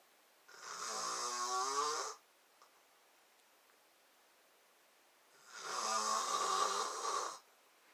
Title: FILMING MY DAD SNORING THANKSGIVING NIGHT *HE WAS SO MAD* (BAD IDEA)😱